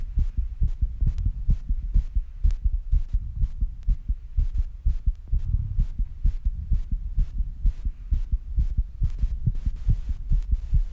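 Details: Own heartbeat recorded after rebreathing and squats, with heavy breathing: fast, steady low thumping at roughly 125–130 beats a minute: tachycardia after exertion.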